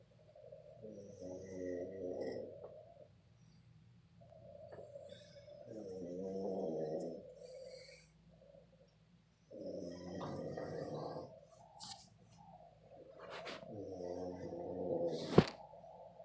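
Four long, buzzing, rattling snores at a slow, regular breathing pace, with faint clicks between them; ordinary snoring.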